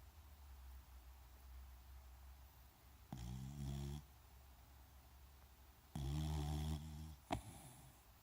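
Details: Cockalier dog snoring very loudly: two loud, rattling snores about three seconds apart over a low steady hum.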